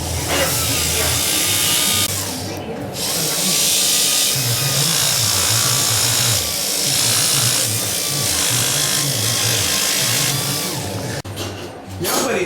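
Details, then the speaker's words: Dental polisher on a dog (Buddy) under anesthesia with a tracheal tube; loud steady motor whine with a rough, fast pulsing buzz as grit paste polishes the teeth to a smooth, clean surface; music underneath. "h we're going to go ahead to take a polisher here you should be all familiar with that from the dentist you go in and you want to go on top of the teeth and this here has got a nice little texture and it's going to take that grip paste and it's going to polish it to a nice clean shiny surface where no bacteria can get"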